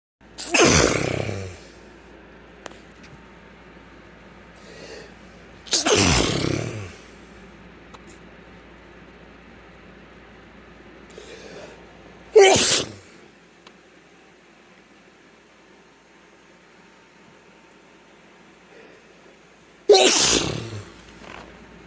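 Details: Adult male sneezing fit induced with chhikini sneezing powder: four loud, explosive sneezes spaced several seconds apart, each preceded by a faint in-breath, in a quiet room.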